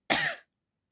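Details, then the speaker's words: Real cough during a winter cold with throat irritation: a single short, harsh, rough cough burst like throat clearing; dry cough. "मुझे जो है खासी भी मतलब real वाला खासी रियल वाला कफिंग जो है वो मुझे हो रहा है"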